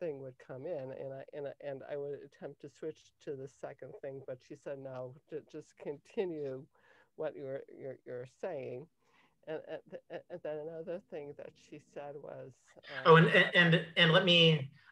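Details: Cluttering in an adult woman, onset at age 5.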